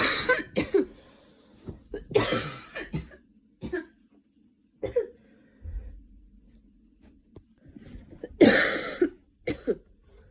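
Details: Cough with a cold in a sick person who recently had fever, dizziness and night sweats and uses an inhaler: repeated short harsh coughs in bouts, with throat clearing and quiet pauses.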